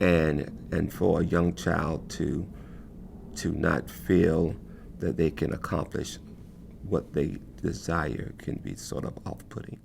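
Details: Stuttering in an adult man who has spoken differently, with effort to get words out, since his earliest memories of speaking; word repetitions are audible.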